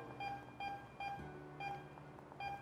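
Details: IV infusion pump: five short, evenly pitched electronic beeps over a quiet room hum as keypad arrows set the volume to infuse.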